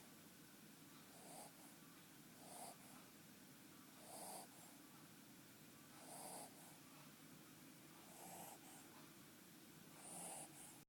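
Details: Snoring in a sleeping baby girl: soft, regular snorting breaths about every two seconds over steady background hiss; light infant snoring.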